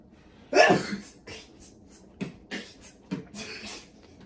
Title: Epex sneeze